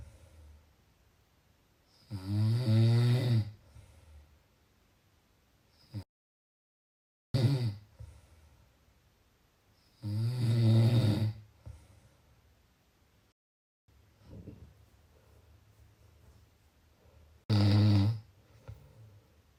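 Loud rattling snores on the in-breath, about every seven to eight seconds, with quiet exhalations between.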